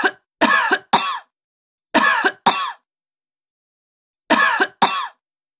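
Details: Acted stock sound effect of an adult woman giving short, harsh, voiced coughs, mostly in pairs, about seven bursts with silent pauses; simulated cough.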